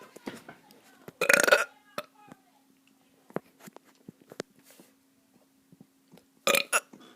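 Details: Child burping: two loud, rough burps separated by quieter mouth sounds and brief vocal noises; hiccups reported afterwards.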